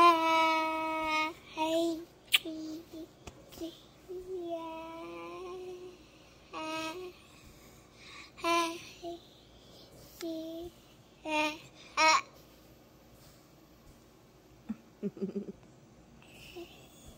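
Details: Child on a ventilator; vocalization while on a mechanical ventilator.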